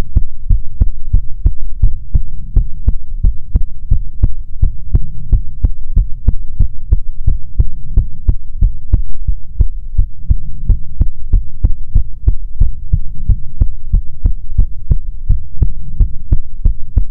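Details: ASMR heartbeat recording: steady, regular low heart thumps at about 160 a minute with a faint hum underneath; heartbeat.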